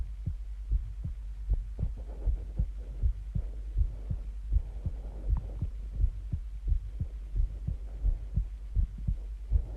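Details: Normal heartbeat recorded over 23 minutes: steady low double thumps at about 79 beats a minute with faint breathing between.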